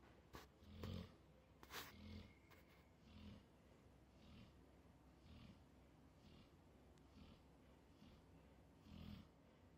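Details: Pit bull snoring very loudly: low rumbling snores repeating about every second in a noisy room, with a few louder snorts at the start.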